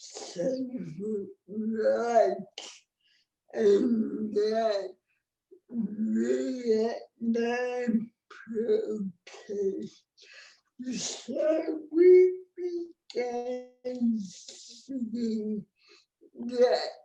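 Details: Dysarthric speech associated with cerebral palsy in an adult woman, a disability rights activist born before the ADA; real speech, no speech disorder formally named.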